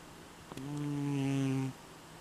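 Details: Tonal snore: one long, steady, low-pitched droning breath lasting about a second.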